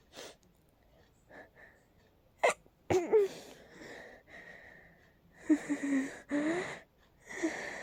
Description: My allergies are really acting up again... Sometimes they cause those crazy rapid sneezes